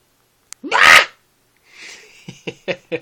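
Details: Pet lying down after having been snoring, now stretching: a single sharp sneeze burst, followed by a soft snuffle and several short sniffs.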